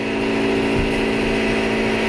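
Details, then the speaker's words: Dental office mechanical room: the vacuum pump and compressor run as a steady mechanical hum with low droning tones, measured at 85–86 dB with the door open and 66 dB with it closed; this clip has the door closed, muffled. "there's a vacuum pump I'm gonna turn that off because that's at 85 86 that's considered the loud that's outside the room with the door open let's go ahead and close the door turn it on again see what we get"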